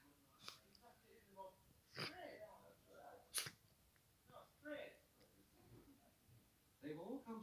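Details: Cat sneezing after eating grass, later found to have a small straw lodged in its nose: two short, sharp sneezes with quiet snuffling and faint room sounds between: sneezing.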